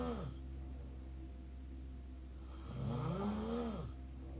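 Low, buzzing snore with a rising and falling pitch on the breath, heard through the open mouth; mouth snoring.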